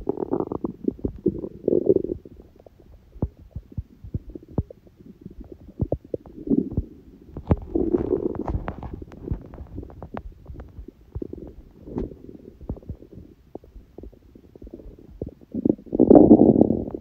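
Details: Hunger bowel sounds (borborygmi): gurgling, rumbling stomach noises with scattered clicks and a louder burst near the end; recording also includes sneezing; ordinary hunger growling.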